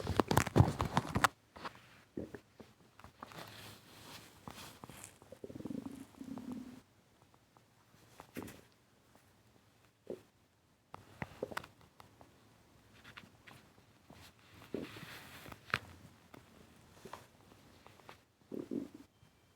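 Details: Soft, irregular gurgles and low rumbles that come and go in step with breathing in and out: stomach rumbling (borborygmi).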